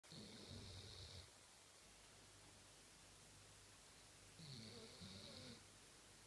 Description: Our Dobermann Olga snoring after a long day playing